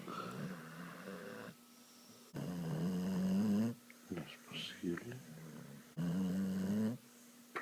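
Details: Sleeping dog: loud, rumbling snores about every three to four seconds, with snorts between breaths; snoring.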